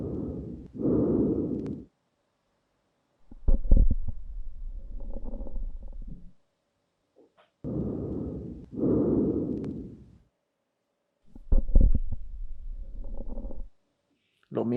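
Simulated stethoscope lung sounds: two repeating cycles of soft breath noise, each followed by a rougher phase with crackling pops, in a virtual patient. Abnormal lung sounds.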